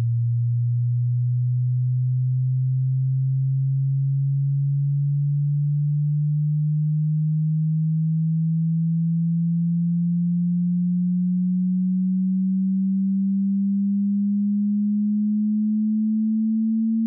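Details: Pure-tone hearing frequency sweep from 20 Hz to 20,000 Hz for tinnitus pitch matching, starting with a low rumbling tone that rises in frequency.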